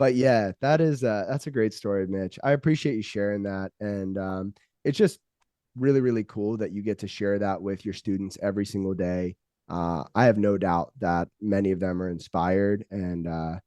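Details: Adult male; typical speech.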